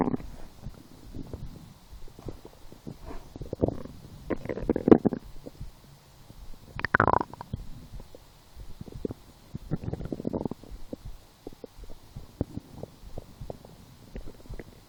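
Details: Gurgling, rumbling bowel noises with a few louder squeaky bursts while lying down hungry, after skipping breakfast, a small lunch and two doughnuts 4 hours later; stomach growling (borborygmi).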